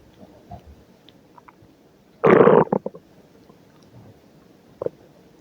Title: Stomach Noises at Work